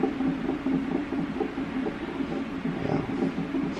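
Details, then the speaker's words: Electronic fetal monitor: rapid whooshing, galloping fetal heartbeat of a baby boy at about 132 beats per minute, fluctuating between 120 and 130, a normal fetal heart rate. "This is for contractions, and then this one is for his heartbeat. Okay. And if I can swing this over here, I'll show you the little guy's heartbeat."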